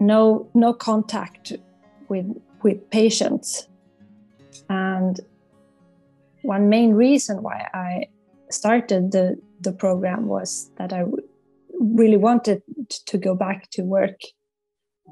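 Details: Stuttering in an adult psychologist who stutters and has worked with a stuttering coach, with audible word repetitions.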